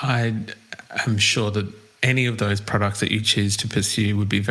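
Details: Adult male speaker; normal voice.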